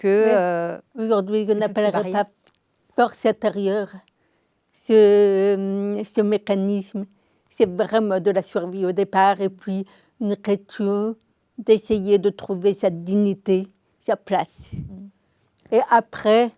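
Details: Adult woman, deaf since birth, diagnosed at 9 months; she was told she would never speak and learned speech through 20 years of speech therapy, three sessions weekly; she says her deafness is audible; deaf speech from congenital hearing loss.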